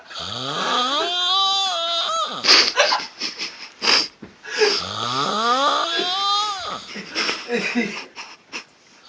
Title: funny snoring MUST WATCH